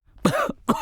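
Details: Two quick, harsh cough bursts from an adult, acted for an Ayurvedic cough syrup commercial set in a tea shop.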